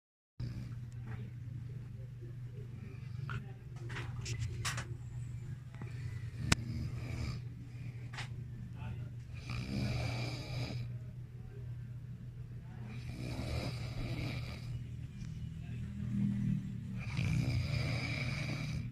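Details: Person who claimed to be just closing their eyes, actually asleep and snoring: low rumbling snores with noisy breaths over a steady hum of room noise.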